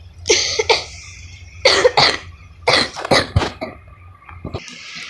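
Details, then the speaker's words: Child with a very bad cough: a coughing fit of several harsh, rapid coughs in quick clusters, ending with a breath. "Sorry there, I had a cough attack."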